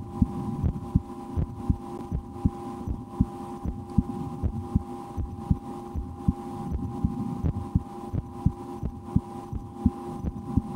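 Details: Own heartbeat heard through a stethoscope in an ASMR recording, with breath-holding and efforts to speed the heart, after a lunch with loud digestion: steady low thumps about 80 a minute over faint hum; normal heart sounds.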